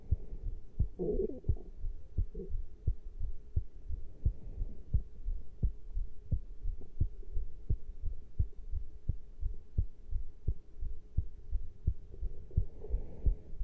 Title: Heart sounds after caffeine intake